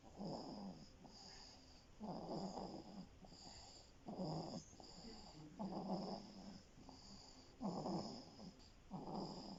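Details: Rhythmic low rattling snores about every 2 seconds, roughly 30 breaths a minute, with steady background hiss, from a sleeping elf; snoring.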